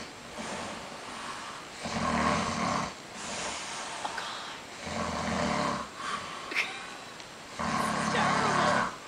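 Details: Loud sleep snoring in a Dutch man: rough, rattling snores about every three seconds, near 20 per minute, with soft room noise between.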